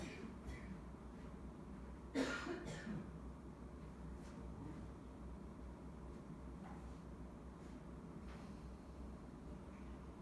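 A single short cough over steady low room hum, then quiet.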